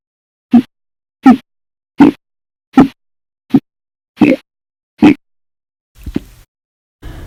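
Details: Audio-only recording of hiccups after meals: seven short, abrupt gulping hiccups at a steady pace, about 80 a minute, then faint softer ones; repeated hiccups.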